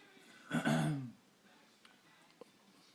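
A single short, rough throat-clearing burst, then quiet room noise. A throat clear.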